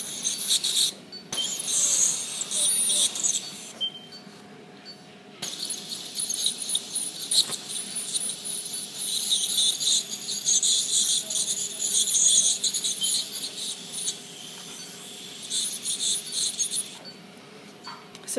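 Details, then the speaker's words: Ultrasonic dental scaler working by cavitation on a dog's tooth during a scale and polish, removing concrete-hard tartar (calculus): high-pitched whine and hiss running in bursts. "the way it works it works on cavitation so it's like a little tiny jackhammer working away on the tartar that's built up that's as hard as concrete now when i start this up it'll have a little bit of noise"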